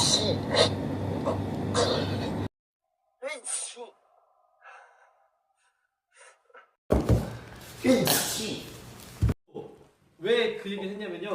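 Several sneezes cut together, each a sharp burst of breath and voice, with indoor background noise and talk around them.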